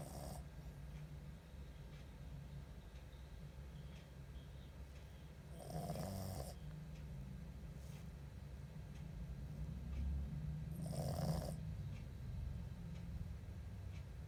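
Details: Small Pomeranian dog asleep, snoring steadily and softly, with two louder snorting breaths about five seconds apart over faint room noise.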